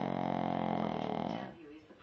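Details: Shih Tzu, a small dog, snoring loudly in sleep: a brief, deep, rumbling snore that fades out partway through.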